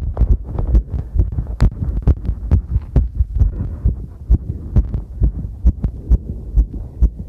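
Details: Own heartbeat recorded during a cycle ride: fast, roughly regular thumping at about 130 a minute under heavy rumbling and clipping noise.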